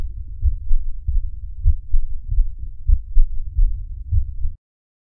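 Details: Heart sounds in congestive heart failure: low, muffled, somewhat irregular beats at about 49 a minute with dull extra thuds.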